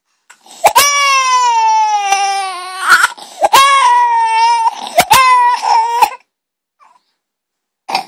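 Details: A 7-month-old twin boy cries in three long, strong wails with quick catch breaths after his twin brother takes his pacifier; infant crying.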